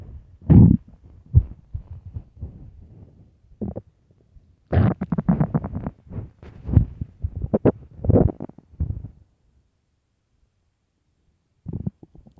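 Irregular low gurgling and rumbling bursts with gaps of quiet; stomach growling, a normal sound of an empty, active gut.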